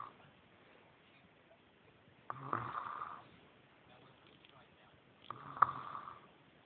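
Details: A woman snores twice, rough and snorting, about three seconds apart, roughly 20 breaths a minute, in a quiet room: ordinary snoring.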